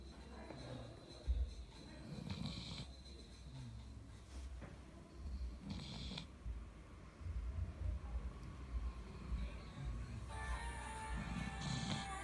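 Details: Golden retriever in deep sleep snoring: low rumbling snores in irregular bursts over faint background noise.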